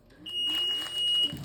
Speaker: you turn it on you're always going to hear that initial beat